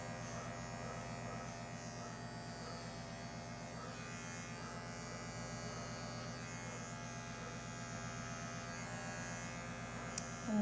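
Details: Continuous buzz of electric clippers in a quiet room, clipping fur from a 17-month-old intact male Labrador Retriever mix under anesthesia, preparing the surgical site for a prescrotal neuter incision; the scrotum itself is left unshaved.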